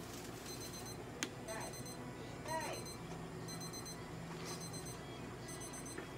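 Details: Repeated high-pitched electronic beeps from an ECG monitor during an electrocardiogram of a Papillon dog in a veterinary exam room.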